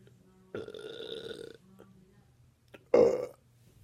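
Two voiced belches, a long rumbling one followed by a shorter, louder one: burping produced on purpose.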